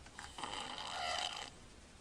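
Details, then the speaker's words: Sleeping infant, breathing through his mouth and not congested: a harsh, rasping snore on one breath, then a brief quiet pause before a faint noise; infant snoring. "this is a picture of eli holding his breath right now he's snoring we're gonna see what happens"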